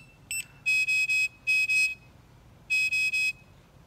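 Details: Revel transport ventilator restarted for NPPV/BiPAP setup on a test lung: groups of sharp, high electronic beeps in bursts of two and three, alarms sounding after start-up.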